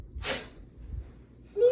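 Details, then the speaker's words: Single sneeze from a child at an indoor play area, where he had been sneezing repeatedly and may have covered it: one sharp, hissing burst, then quiet breathing. "Bless you. He just sneezed on me."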